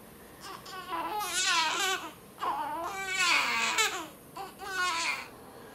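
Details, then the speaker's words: Newborn girl crying in repeated wavering bursts with short breaths between, in a small room, during a day of crying. "It's a wonderful sound. The sound of a crying baby."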